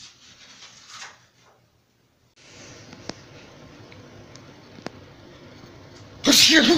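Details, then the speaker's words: Student in a classroom during a test sneezes: a single loud, explosive sneeze after quiet room noise and faint talk. "Bro, what is wrong with my sinuses? Gotta get rid of it."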